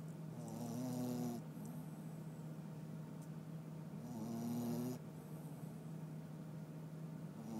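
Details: Snoring: two soft, rattling snores about three to four seconds apart under a steady background hum.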